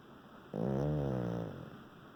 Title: Snoring Doggie